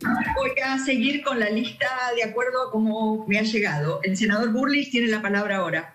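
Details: Adult; normal speech.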